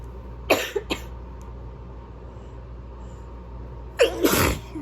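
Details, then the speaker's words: Sneezing fit during an illness: two sharp explosive bursts, each with a brief catch and release, in a quiet room. "I'm gonna sneeze. Hold on. Fuck. No, I'm not. Yes, I am."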